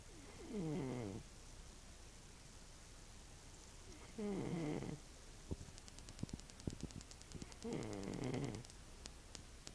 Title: Old man snores again